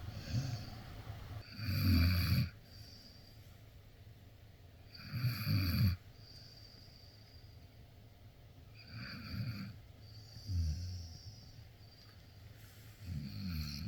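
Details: A sleeping female Akita in strawberry pajamas gives deep, rattling, human-like snores, about five in fourteen seconds, with quiet breathing between; dog snoring.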